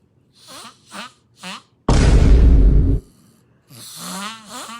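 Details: A loud, outrageous snore from a snoring compilation in which snores sound like a duck or a chainsaw; snoring.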